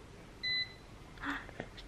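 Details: Feverish young child, possibly teething, temperature taken at home: single short high electronic beep, then faint room sounds; digital thermometer signalling its reading.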